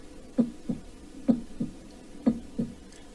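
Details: Vocally imitated heartbeat used to illustrate a normal rhythm before a hyperkalemic arrhythmia: three even lub-dub pairs at about 60 a minute, a normal regular rhythm.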